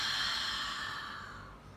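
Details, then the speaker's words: Physiotherapist demonstrating huff (forced expiration technique) for clearing accumulated phlegm after COVID or lung infection: one long forceful open-mouthed breath out, as if fogging a glass. "इसमें आपको मुंह खुला रख कर जोर से सांस बाहर निकालें हैं जैसे आप इमेजिन करिए कि सामने ग्लास है"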